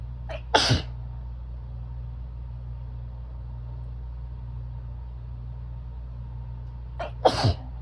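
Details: Two harsh, barky, explosive sneezes during bronchitis, each with a quick in-breath, over a steady low engine-like hum; sneezing with bronchitis.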